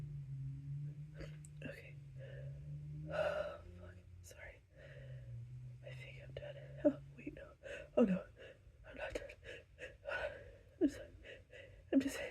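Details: Run of apologetic sneezes: repeated gasping intakes and snorting sneeze bursts with soft whispered apologies between them.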